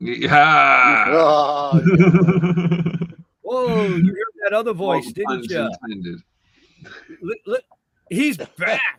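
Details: Adult speaker; speech.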